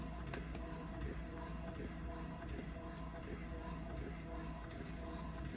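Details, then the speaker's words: Steady motor hum with repeated suction pulses, about 40 a minute, from an electric breast pump applied to one breast during a setup demonstration, early phase before speed decreases from 80 to 50. "So I'm gonna put this on a breast. Let's see if I can manage this."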